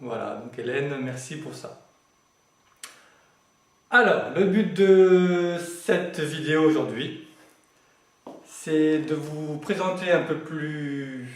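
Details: Adult male who has lived with stuttering for 20 to 40 years and says he is now managing to speak through it; stuttering.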